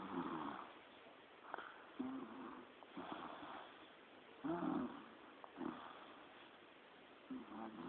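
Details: Snoring: repeated soft, fluttering snores with short snorts, a few every few seconds, in a quiet room.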